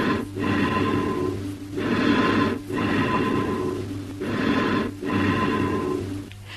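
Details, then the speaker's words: Amphoric breath sounds over a large cavity or pneumothorax communicating with a bronchus, which amplifies high-pitched vibrations into an echo-like quality, with bronchial breath sound features including a pause between inspiration and expiration. "Here the large space in the cavity or pneumothorax amplifies the high-pitched vibrations, giving it an echo-like quality. Listen to the amphoric breath sounds and note the echo-like quality."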